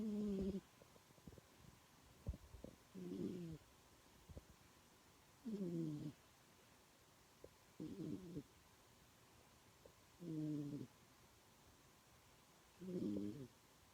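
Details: Yorkshire terrier snoring: regular rattling snores about 24 a minute, each a short rumbling intake with quiet gaps between.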